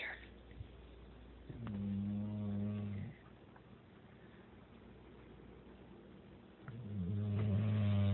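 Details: An English Bulldog sleeping in a dark corner snores, giving two long, low, buzzing snores about five seconds apart with quiet breathing between; snoring.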